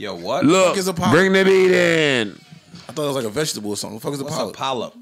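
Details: Adult man speaking; Normal speech.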